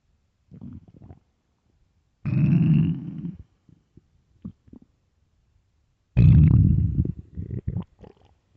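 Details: Person wondering if hungry; several low gurgling growls from the belly, two long and loud, with short bubbling rumbles between. Stomach growling (borborygmi).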